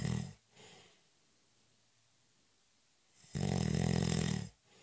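A faint snore, a quiet pause, then a loud rattling snore lasting over a second; ordinary snoring during a light nap.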